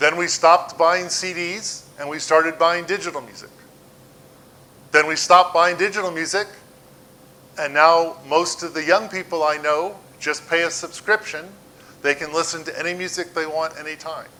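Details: Adult man; normal speech.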